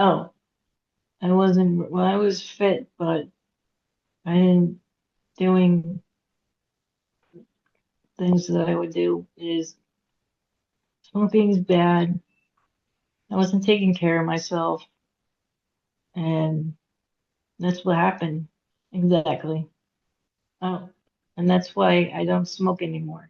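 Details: Aphasia in a woman after a hemorrhagic stroke at age 36 (September 2018), with difficulty getting her point across, reading and writing; she could not talk for 2 years and had 2 years of speech therapy.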